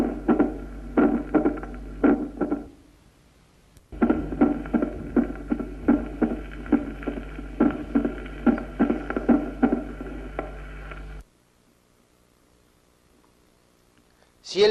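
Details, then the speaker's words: Patient in sinus rhythm; regular heart sounds with an extra sharp click after the second sound: opening snap of a stiffened mitral valve. "ruido no es intenso no se trata de chasquido de apertura sino de un doblamiento del segundo ruido se oculta en el foco mitral especialmente en decúbito de pón"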